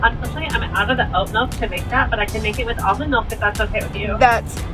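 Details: Adult speaker; normal fluent speech.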